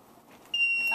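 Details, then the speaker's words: Simulated AED demonstration for cardiac arrest: a steady high-pitched electronic tone starts abruptly after quiet room sound as the defibrillator powers on. The device then talks the user through each step and says whether a shock is needed. "Once turned on, the device will walk you, or talk you through each step and will tell you whether a shock is needed."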